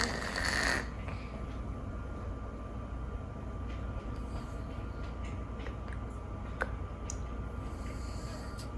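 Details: Sleeping rescued cat whose nose always seems slightly blocked, audible even when awake, snores steadily, louder than usual today, with a faint high whistling note through the partly blocked nose: snoring with nasal congestion.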